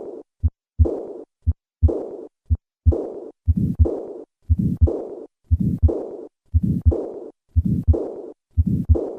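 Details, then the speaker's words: Moderate to severe aortic regurgitation: diastolic murmur first, then a systolic ejection flow murmur from the large stroke volume across the deformed aortic valve, peaking in early systole without significant aortic stenosis. "This murmur results from the large stroke volume ejected across the deformed aortic valve during cy. This murmur typically peaks in the first half of cy in the absence of significant aortic stenosis."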